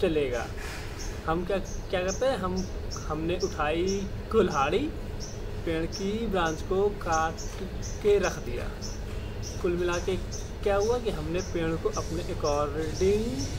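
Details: Adult male speaker; stammering.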